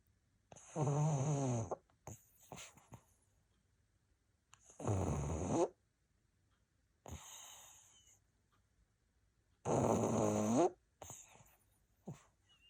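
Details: A pug snoring: three loud, rattling snores, each about a second long, with softer snorting breaths between them, typical of a flat-faced dog.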